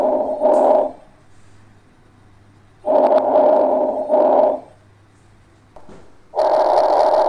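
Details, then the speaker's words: Normal breath sounds heard with the stethoscope diaphragm pressed firmly on the thorax during a head-to-toe physical examination. The patient breathes slightly deeper than usual through a slightly open mouth, about 17 breaths a minute. Soft rushing sounds with no added sounds. "As you listen, take note and compare the relative intensity and duration of inspiration and expiration in different areas of the thorax. Classify the breath sounds heard for bronchial, vesicular, bronchovesicular and give their corresponding location."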